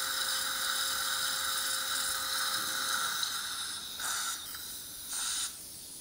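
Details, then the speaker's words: Dental implant surgery on a 67-year-old woman at tooth #45 (lower right), a site that had socket preservation with A-Oss collagen: initial drilling with a 3.5×10 mm OneGuide drill. Steady high motor whine and water-spray hiss in short bursts, from pumping action to limit bone heating. "3.5 by 10 millimeter one guide drill is used drilling was done I am making sure that pumping action is done to minimize heat generation as I did initial Drilling"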